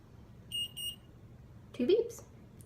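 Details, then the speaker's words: Omnipod insulin pod being filled with insulin to the 200 mark via syringe inserted at 90 degrees: two short high electronic beeps confirming the fill, then a brief voice sound. "okay and you're going to stick it up at a 90-degree angle right down okay and you're going to wait so you hear two beats when you press down"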